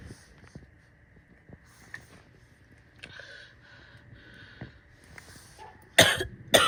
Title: coughing and spitting (f)